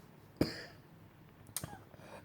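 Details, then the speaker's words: Adult wheelchair user coughing: two harsh, dry cough bursts after inhaling leaf-blower dust, debris and petrol fumes, with ongoing coughing and difficulty breathing since. "like can still smell and taste the petrol fumes from the leaf blower but just all the Dey I swallowed it got in like I've been coughing up since and it's just it's just bed just bed"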